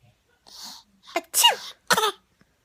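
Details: A 6-month-old baby girl fake-sneezes and laughs with her mother: breathy build-ups, then sharp sneeze-like bursts with a voiced squeal. Imitated sneezing, not a true sneeze.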